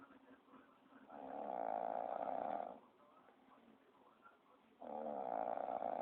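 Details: Sleeping dog snoring: two drawn-out, fluttering, nasal snores with quiet breathing between; muffled recording.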